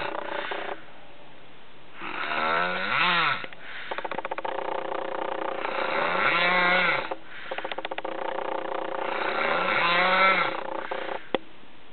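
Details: Loud, rumbling snores recurring roughly every four seconds, with rattling vibration on each breath; snoring.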